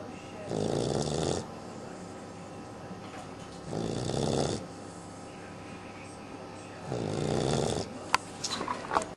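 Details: 12-week-old puppy snoring in sleep: three loud, rattling snores, each about a second long and spaced a few seconds apart, in a quiet room.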